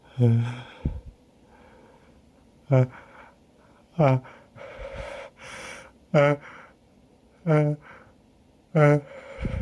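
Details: Allergic sneezing fit in someone newly allergic to local pollen, with itchy nose and eyes: six sharp explosive sneezes in quick succession, each with a catch of breath.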